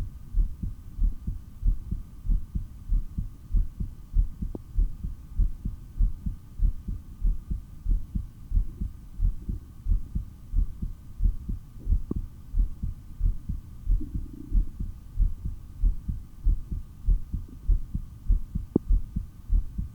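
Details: Stethoscope heart audio from a person doing breath-holds (an initial breath-hold of over 3 minutes, then 15 breaths in 17.5 minutes): a steady, strong, regular heartbeat at about 95 per minute with clear lub-dub pairs; normal heart sounds.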